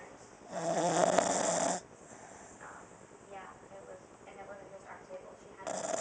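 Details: Dog sleeping on her back, snoring loudly enough to be heard across the house, unedited recording: a loud snore, then quiet breathing, then another snore starting, with faint room sounds.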